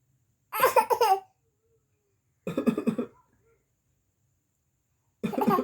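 A young child makes three short bursts of playful, voiced cough-like sounds imitating a cough, with silence between.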